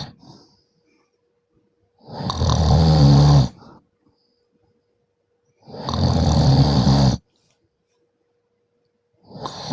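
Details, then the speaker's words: Man snoring, jokingly called Armenian snoring: loud, rough rattling snores on each inhalation, about every three to four seconds, with quiet pauses between; snoring. "а чувствуйте как армяне храпят они по-другому"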